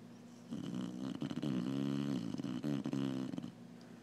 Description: Slumbering Clumber Spaniel snores loudly.